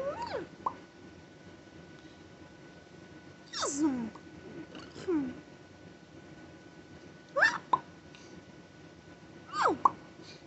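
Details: Tic attack in a parent of five after a stressful day of phone calls, while being treated for an ear infection with antibiotics, steroids and Tylenol, Benadryl stopped: sudden squeaks and hiccup-like yelps in bursts; vocal tics.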